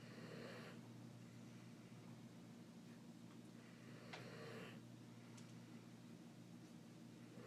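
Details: Two soft, breathy snores about four seconds apart from a sleeping dog, partly masked by a steady low hum.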